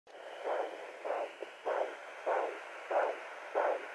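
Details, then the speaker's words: Woman around four weeks, unsure if pregnant, using a home fetal doppler: regular whooshing pulses at about 98 a minute, which she identifies as her own heartbeat; maternal heartbeat on doppler, not a fetal heartbeat. "here's my heartbeat so would you say that the baby's heartbeat I mean it's more about the way it sounds does"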